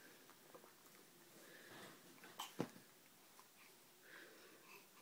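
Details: 15-week-old baby girl: a single quick, soft sneeze in a quiet room, an ordinary sneeze.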